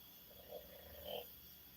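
Two faint, soft grunting snore sounds from a sleeping dog against a quiet background hiss.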